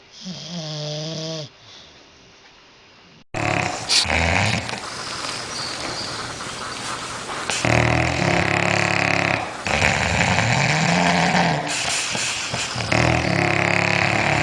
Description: Dogs snoring loud so Funny And Cute! Aren`t They Adorable? I have NEVER heard a dog snore before so i thought this was HILARIOUS!!!